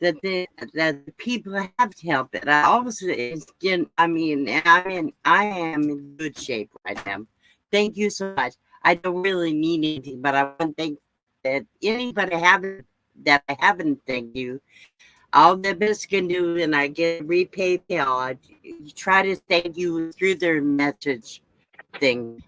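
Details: Adult woman with aphasia after her second stroke, real; no facial or limb paralysis, loss of speech and cognitive effects; speech remains impaired with repetitions and word-finding difficulty; aphasia after stroke.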